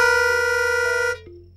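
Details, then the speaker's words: Diplacusis simulation for a woman with cookie-bite hearing loss and diplacusis: a C played on a pitch pipe is heard as C in one ear and a slightly off tone (B or C sharp) in the other, two mismatched tones sounding together. "Kathy hears the C in one ear, and some other not quite C tone in the other. It could be a B, (pitch pipe humming) or a C sharp, who knows? So combined it would sound like this."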